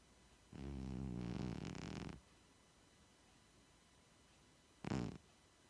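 A soft fluttering rumble on one breath, then a brief snort: quiet snoring in a sleeping cat, harmless.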